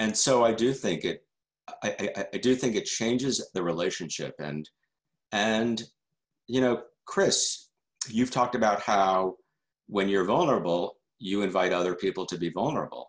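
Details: Adult man who stutters, a member of the stuttering community for decades: stuttering.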